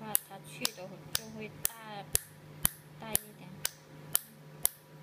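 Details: Q-switched Nd:YAG laser pulses for tattoo and freckle removal near the eye, intensity raised despite pain: sharp regular snapping clicks about two per second, with quiet talk behind.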